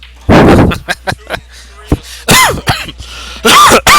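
An adult man has a run of harsh, loud coughs close to the microphone, with gasping breaths between.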